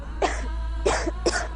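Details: Acted cough performed by an actress.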